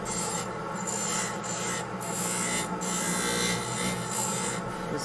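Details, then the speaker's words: Steady grinding rasp of a spinning lathe wheel trimming acrylic of a Hawley orthodontic appliance with anterior finger springs for diastema closure, with brief dips as the piece is moved and thickness checked by hand. "I did a decent job sprinkling this so I don't think it's going to take too long to [Music] trim I'm just checking the thickness with my hands"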